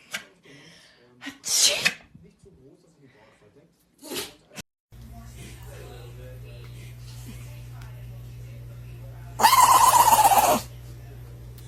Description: 🐶 Cute & Silly Dogs PT.6 – Sneezing Dogs Edition 💨